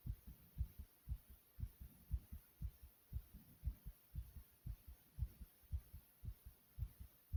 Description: not only is my heart beating fast but soothing too.